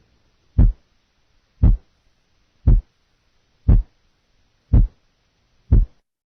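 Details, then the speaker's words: Split first heart sound on a teaching recording, shown at split intervals of 0.08, 0.06, 0.04 and 0.02 seconds; simulated heartbeat at about 58 per minute with a very narrow, barely separable split of S1. "listen now to a sound which is split at various distances a split of 0.08 seconds"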